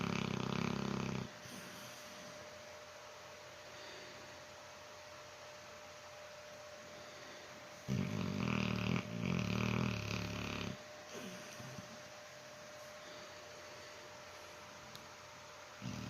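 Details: Low, rumbling, snorty snores in slow bursts over a steady hum in a quiet room; snoring.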